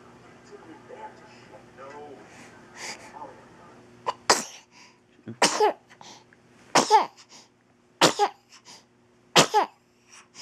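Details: A female cat sneezes, recorded in slow motion: after a quiet stretch with faint room hum, five sharp, hissing sneezes in a row, each with a brief catch of breath before it.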